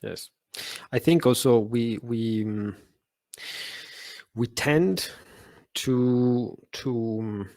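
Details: Adult Italian man who has stuttered since childhood, with speech therapy as a child and adolescent; he describes his stutter as not very severe and says he stutters less in English; stuttering.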